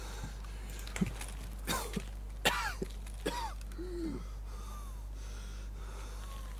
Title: Кашель мастеркласс